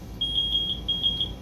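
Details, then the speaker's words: Respironics BiPAP improvised as a ventilator during COVID-19, tested with a bag as a simulated lung. Repeated high-pitched beeping in groups of three over room noise: an apnea alarm as the machine treats the patient as apneic and delivers breaths. "It's going to start pressuring, alarming because it's going to think the patient is apneic."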